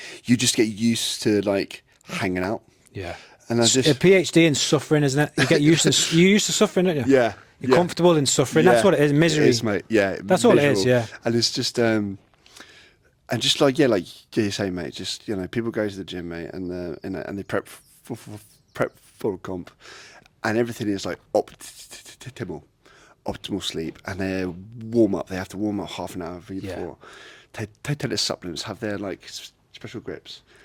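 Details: Adult man with a lifelong stutter; a speech therapist linked it to brain-to-mouth-muscle signalling, breathing and speech timing: stuttering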